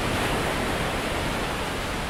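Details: "Breaking waves" nature sound, one of six sea-wave options in a ReSound hearing aid's tinnitus sound enrichment: crashing ocean waves used to mask tinnitus.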